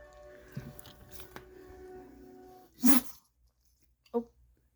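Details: Pug gives a single sharp, explosive sneeze, then a smaller snort, in a quiet room with faint talk and music; sneeze.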